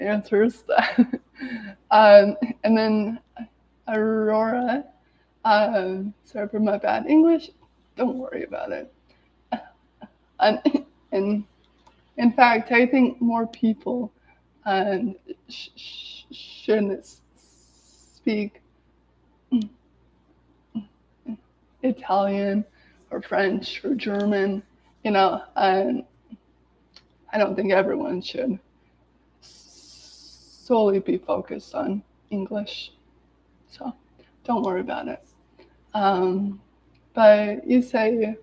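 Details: Adult woman with lifelong daily stuttering, severe in childhood, involving speech blocks, with S-words especially hard, speaking live; stuttering.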